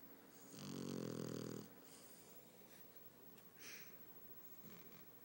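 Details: 2-year-old female puggle sleeping, snoring somewhat quieter than usual: low, rattling snore on the in-breath followed by quieter breathing; snoring.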